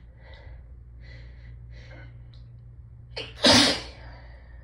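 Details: Hay fever sneezing from a person with a raw nose from rubbing: several catching, hitching breaths, then one loud explosive sneeze, sometimes with a deep honk from sneezing through nose and mouth together; sneeze.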